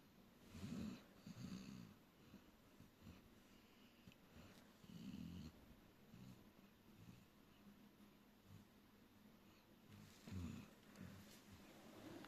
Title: Dog snoring peacefully